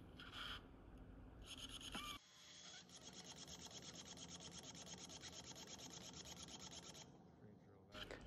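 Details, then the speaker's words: Surgical pin driver in a dog's TPLO surgery pre-placing the anti-rotation pin in the tibial tuberosity above the patellar tendon insertion: high-pitched grinding drill whine with rasping bursts as the pin advances into bone. "then i like to pre-place the anti-rotation pin in the tuberosity which must be above the patella tendon insertion"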